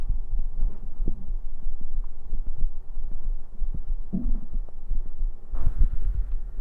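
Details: Livestreamer's own heartbeat played for ASMR-style listening during a late-night stream: low muffled heartbeat thumps heard close to the chest, with some rustling and room hum.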